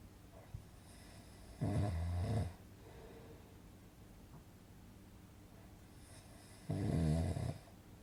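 Two rough, buzzing snores about five seconds apart, roughly 12 breaths a minute, with quiet breathing between; regular snoring.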